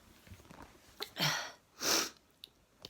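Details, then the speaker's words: Sneezing for about three minutes after going outside at sunrise, around 3:12 am: two explosive sneezes in quick succession with faint sniffing, in a quiet small room; sneezing. "been sneezing for about three minutes now uh i went outside oh no the sun is rising"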